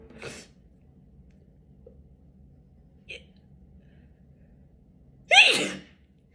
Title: female tiktok sneeze 124